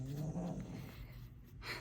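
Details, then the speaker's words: Snoring from a small female Boston Terrier–French Bulldog mix with a flat face, about 30 pounds, lying under the owner's feet; she snores loudly. "If you can hear snoring, it's my dog. I say that almost every video, but my dog likes to come to get under my feet."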